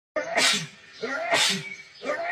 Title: Powerful sneeze fit (male)